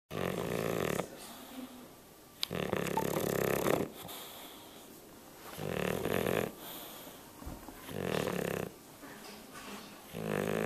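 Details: Bulldog snoring while awake: repeated harsh, rattling snorts with each breath, about five in ten seconds; noisy snoring-type breathing, recorded on a Flip Video camera.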